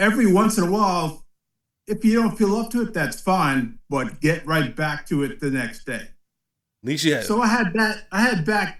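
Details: 56-year-old man with aphasia after a posterior-brain ischemic stroke in 2013, about 12 years ago, which also affected balance and strength; speech difficulties persist and worsen with fatigue late in the day. Aphasia.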